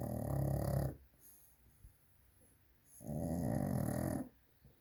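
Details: Loud snoring: two loud, rumbling, low-pitched snores about two seconds apart, each followed by a quiet pause.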